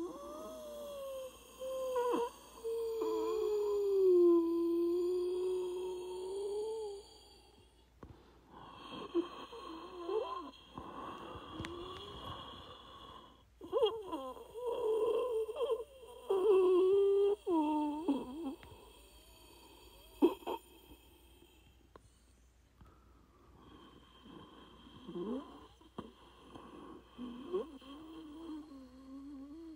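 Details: Acted, simulated wheezing: breathing with long, whistling, musical tones that waver in pitch, made as a sound effect.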